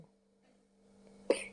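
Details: Infant with a cold gives one short, sharp cough after a quiet pause, with a faint steady hum in the background; cough with a cold.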